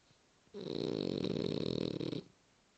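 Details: French Bulldog Quentin snoring: a single loud, coarse, fluttering snore lasting nearly two seconds, typical heavy snoring of a flat-faced dog.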